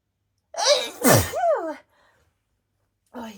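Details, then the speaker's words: One full adult sneeze from a flower allergy, with a sharp vocal inhale, a forceful burst and a voiced trailing exhale. "you can tell these are allergy sneezes because when I sneeze I sound so disgusting and not very cute at all really sorry up"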